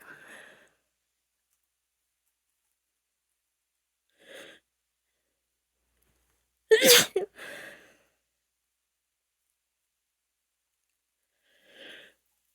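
Soft catching breaths build to one forceful, explosive sneeze with a quick second burst, then more breaths. Allergic sneezing.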